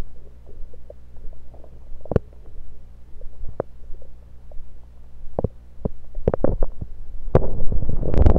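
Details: Bowel sounds through a stethoscope moved around the belly (10/16/23), recorded mainly to show stethoscope placement: scattered gurgles and pops over a low hum, then a louder rumble.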